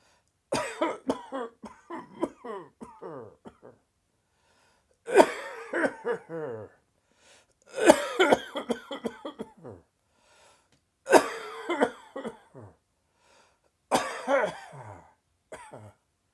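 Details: Adult's sudden dry, tickly coughing fit just after lunch: about five rapid runs of dry, hacking coughs with short pauses between them.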